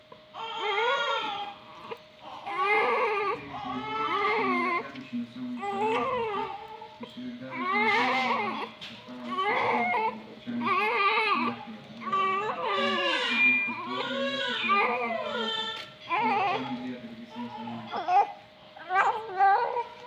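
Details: Repeated strained crying in short bursts over a steady background tone from a newborn delivered by C-section with birth asphyxia (MSA grade 2), under NICU warmer care during procedures; newborn cry.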